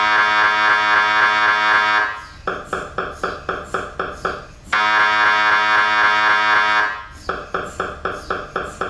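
Loud buzzing tone alternating with fast rhythmic knocking, in a repeating pattern; typical MRI scanner noise during imaging.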